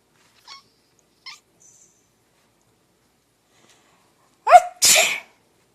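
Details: Person sneezing near a pet: quiet small squeaks, then a sharp voiced burst and a loud explosive sneeze in a quiet room; sneezing.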